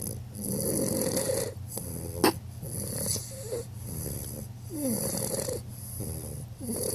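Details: 11-week-old bulldog snoring, possibly with eyes open and not fully asleep: repeated rough, snorting snores with whistling in many breaths, loud noisy flat-faced-dog breathing; snoring.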